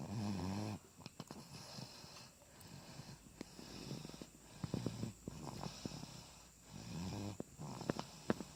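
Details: Sleeping baby with soft, low rattling snores on each in-breath, quieter breathing and small clicks between; infant snoring.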